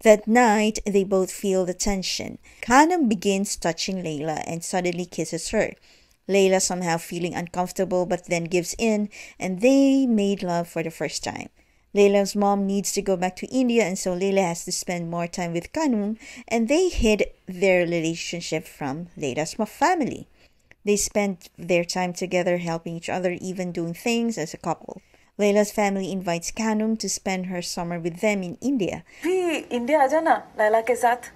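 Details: Adult female narrator; normal speech.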